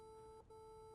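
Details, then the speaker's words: Rooter X4000 apex locator during endodontic file navigation: a steady, unbroken electronic tone signalling that the file has reached the target working length in the green zone. "Now when I come to the actually the area where I should stop, it gives me a continuous sonoric"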